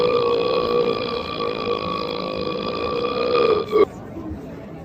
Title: man reverse burping animation short 2022